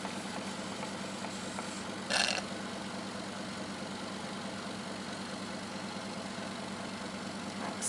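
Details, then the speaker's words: Steady motor hum and whir with a brief louder hiss as water is suctioned to clear the catheter, during a demonstration of Yankauer and Y-catheter suctioning with a Guedel airway in an unconscious patient; suction machine running. "it's important to clean your catheter in between so you just do that by using your water to suction up into your water and then you can do it again like so"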